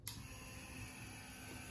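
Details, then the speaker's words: Portable low-noise DC compressor nebulizer (CDC-200) for home use, switched on to show how quiet it is: a click, then a steady quiet whirring hum; speech remains easily audible over it. "I can talk normally and we can have a conversation and you can hear me just fine so if you're looking for a portable lightweight small nebulizer it's not very loud check this one out"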